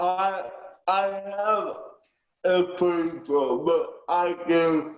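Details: Aphasia with cerebral palsy in a 19-year-old male, with delayed speech and tangential answers, speaking about how aphasia affects his daily life.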